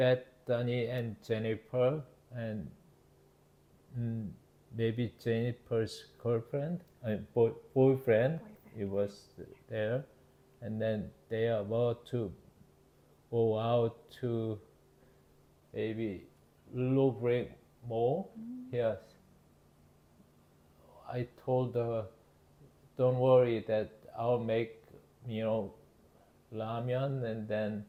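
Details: Adult male, 52 at onset, with Broca's (non-fluent, expressive) aphasia with word-finding difficulty, following initial global aphasia, after a September 2023 left-hemisphere ischemic stroke from spontaneous left carotid artery dissection; Korean first language, English returning more slowly; Broca's aphasia.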